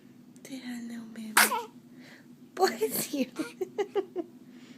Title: newborn sneeze